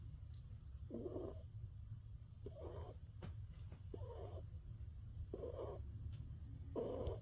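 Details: Snoring: a kitten spayed a week earlier snores softly and regularly in deep sleep, about five snores in seven seconds, over a low steady rumble.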